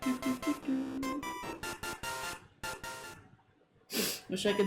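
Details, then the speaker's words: Single sharp, forceful sneeze from an adult streamer who is still recovering from a cold, announced beforehand and described as painful, over steady background game music. "God, it's the kind of sneeze you need to like recover from for a while. That hurt."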